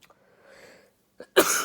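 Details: A child gives one sharp, loud cough after faint breathing, attributed to allergy season.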